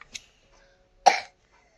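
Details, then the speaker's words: Young child, quite unwell with cold and cough, regularly treated with a nebulizer: a single short, harsh cough in a quiet room, with a faint sound just before it. "की तबीयत बहुत ज़्यादा ख़राब है। को जब सर्दी होती है, खांसी जुकाम होता है, तो उसको हमें नेबुलाइजर पर रखना।"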